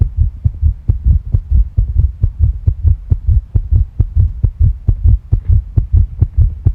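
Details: Stomach and heart sounds: tachycardia, the heart rate increasing. Fast, regular, deep heartbeats at roughly 135 beats a minute with a low background hum.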